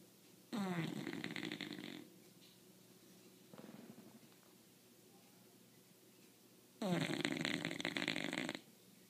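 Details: Two long, loud, rattling snorts on the in-breath with a softer one between them, from a sleeping bulldog: snoring.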